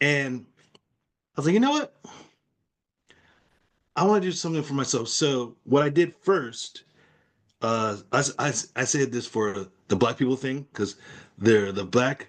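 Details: Person with aphasia caused by a stroke; aphasia.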